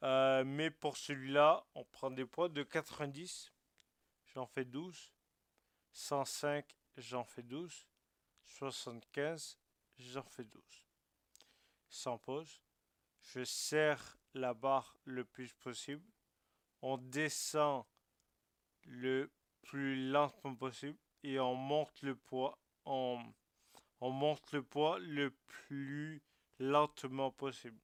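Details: Male French speaker with Friedreich ataxia, carrying the disease mutation, speaking while describing a workout; ataxic speech (Friedreich ataxia).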